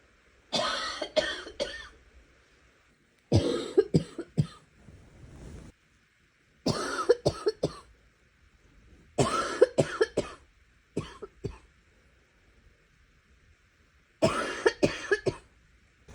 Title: Some rapid coughing